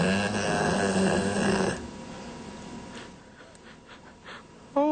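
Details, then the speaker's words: Loud snoring from a Labrador dog. "A product for pets that snore. You think I'm kidding ? Some of you are living with this. Take a listen and a look. (Loud snoring labrador)"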